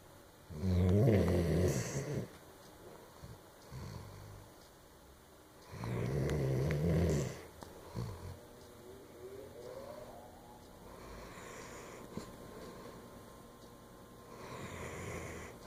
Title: snoring